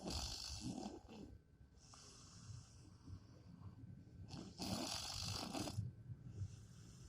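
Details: Snoring during sleep from a person who says he doesn't snore: two rough, fluttering snores about four seconds apart, with quiet breathing between them.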